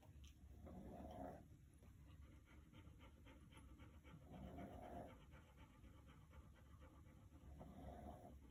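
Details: Rapid, quick breaths at roughly 220 a minute with a faint snoring rumble beneath, consistent with a dog panting.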